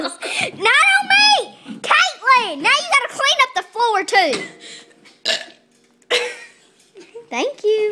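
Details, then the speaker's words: Young child burping: a run of loud, drawn-out voiced belches with short pauses and quieter sounds in between. "I mean, oh, good burp."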